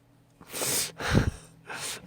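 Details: Sneeze from a young male K-pop idol during a broadcast, from a compilation of his cute sneezes: a quick intake, then a short sharp burst of air and a fainter second breath.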